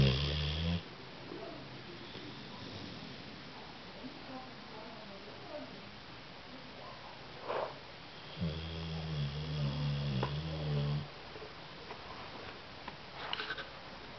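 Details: Female Cane Corso snoring while asleep, described by the owner as very loud: two loud, low, rumbling snores with quiet breathing and a faint snort between them.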